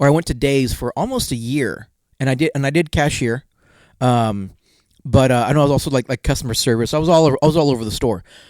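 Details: Adult male with a self-reported stutter that worsens in awkward situations and sometimes occurs even when confident; real, unscripted podcast conversation; finding: stuttering.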